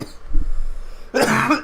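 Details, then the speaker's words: Loud, rough cough bursting out after low muffled sounds, following a deep inhalation of smoke during a smoking session. "1 hour sesh. Jojo. He's fucking coughing up his lung."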